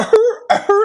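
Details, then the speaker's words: Adult EMT instructor imitates the seal-like barking cough of croup, a viral infection in children, during a respiratory emergencies lecture; two short, hoarse, honking barks, simulated rather than from a patient. "it's like a like a seal you know like clapping their hands and coughing A kid will sound like that you hear it one time you'll know exactly what it sounds like"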